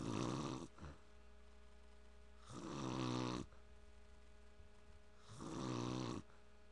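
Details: Snoring in a father during sleep: loud, rattling snores on each breath in, about three in seven seconds, with quiet pauses between.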